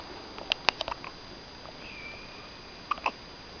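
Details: Infant girl wearing a bib with hiccups: short, sharp little catches of breath in a quiet room, a few clustered together and then two more.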